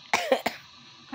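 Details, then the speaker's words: Three quick, fairly dry cough bursts, then quiet: an adult in Saudi Arabia, lying down, who says they have a cough, breathing that is not so good, a slight fever and a heavy-feeling body. "na po kayo guys ha boses guys kasi nauubo po tayo sa ngayon guys may konting init ang ating"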